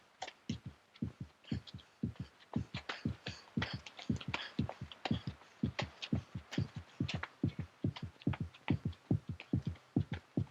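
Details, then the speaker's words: Man's heartbeat, filmed around 1970, that he seemingly could not command to slow: fast, strong beat at about 140 beats a minute with crisp paired thumps, a rapid pulse after exertion. "No matter what good it would do him, this man could not command his heartbeat to decrease now, or so it seems."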